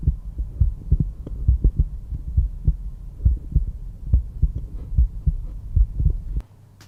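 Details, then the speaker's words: Stethoscope bell at the mitral area, fifth intercostal space midclavicular line: steady low lub-dub heartbeats at about 68 a minute; normal heart sounds. "Both the tricuspid and the mitral valve control blood flow from the atria to the ventricles, and when they contract, they create that first heart sound that you can hear, the lub, lub, lub, lub."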